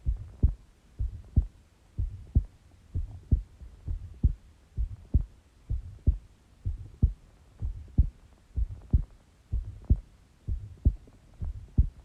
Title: Shortish heartbeat recording